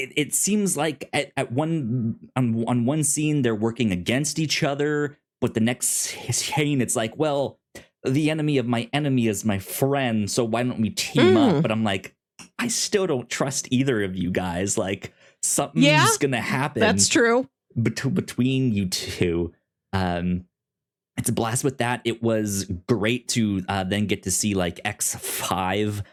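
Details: Adult male podcast host with a self-reported speech impediment, stuttering.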